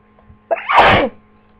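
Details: A single forceful sneeze attributed to flu: a brief inward catch, then a loud explosive burst lasting about half a second.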